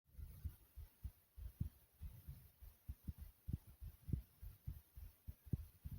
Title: Thumpy Heartbeat Sound ❤❤